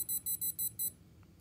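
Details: Five short, high electronic beeps in quick succession as buttons on a TENS 7000/inTENsity 7 unit are pressed, setting pulse width down from 300 to 170 µs for transcutaneous vagus nerve stimulation with an ear clip; ordinary device feedback tones.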